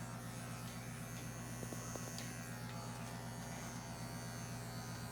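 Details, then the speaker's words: Electric clippers shaving a 17-month-old intact male Labrador Retriever mix, anesthetized and intubated, for neuter surgical prep: steady buzzing motor hum with light clicks. "first starting where the incision will be working my way out without going over the same area more than once"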